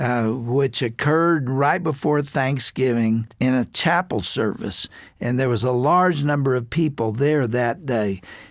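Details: Adult male speaker; Normal speech.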